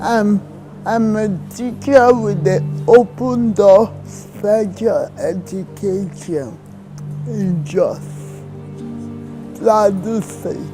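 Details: Dysarthria in a woman in her 30s with cerebral palsy diagnosed in childhood.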